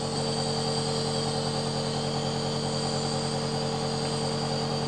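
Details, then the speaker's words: AGARO NB-22 compressor nebulizer for home use, just switched on and described as quiet: steady, fairly loud motor hum with fast rhythmic pulsing and a faint whine. "अब यहाँ पर जो इसका on off switch है इसे हम on कर देंगे, तो हमारा नेबुलाइजर ऑन हो चुका है। आप इसकी आवाज़ सुन सकते हो, काफ़ी कम आवाज़ है।"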